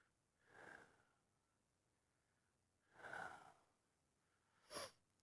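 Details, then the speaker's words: Adult with real, not acted, hiccups while demonstrating a breath-restriction remedy; three abrupt breathy catches, the last short and sharp, in a quiet room: hiccups. "I'm not acting here. I really have the hiccups."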